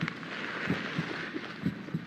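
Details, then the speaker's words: Normal human heartbeat used for teaching: steady paired lub-dub sounds, about 60 beats a minute, over a soft hiss. "It's a human heartbeat. Your heart never stops beating, whether you're running a race or you're fast asleep. A heartbeat is the sound of your heart squeezing together as it pumps blood around your body."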